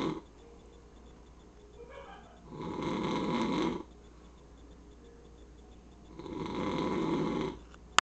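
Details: Two long, rough inspiratory snores separated by quiet pauses, about 15–17 breaths a minute, from a man (the uploader's father) sleeping in a quiet room; snoring.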